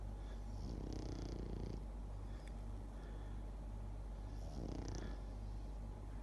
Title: Snoring Pekingese